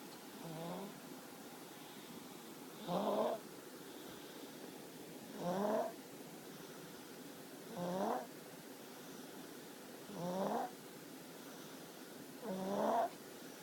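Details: Soft, regular rattling snores on each breath, about 25 a minute, from a sleeping infant; ordinary infant snoring.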